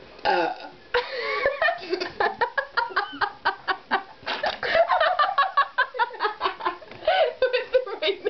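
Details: Long run of loud, rapid, voiced belches strung together with bits of laughter, after drinking orange soda at 4 in the morning; repeated burping.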